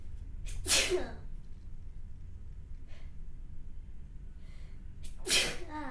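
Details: Sneezing recorded from a consenting model, with house dust mentioned just before; sneezing.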